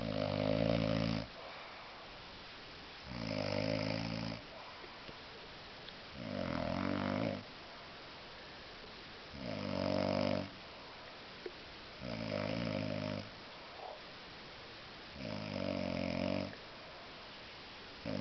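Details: Loud, deep, rumbling snores on each in-breath, about 20 a minute with quiet pauses, from a very drunk adult man sleeping off a heavy drinking session; heavy snoring.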